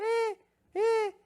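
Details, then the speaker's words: Adult imitating the wheeze heard on auscultation of a child's chest, likened to a cat's meow, in a pediatrics lesson: two short, high, musical squeaks. "Sibilo é aquele barulhinho de miado de gato, o peito da criança fica assim, ó."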